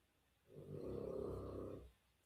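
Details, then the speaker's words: Loud, weird snorting snores from a dog, heard in the background of a live-streamed talk. "And again, I would like to remind everyone if you hear that snorting noise, that is the dog snoring. Don't try to like say that the sound is anything else. I'm telling you right now, it's so loud and weird."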